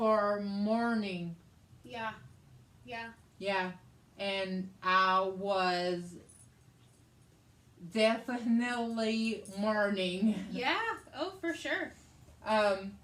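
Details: Adult woman, stroke survivor with aphasia from a hemorrhagic stroke on May 19th 2020 that needed brain surgery and ICU care and left right-side hemiparesis; aphasia also affects her reading and writing; she asks an interview question; aphasia.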